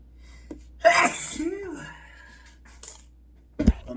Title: Twist-tie sneezes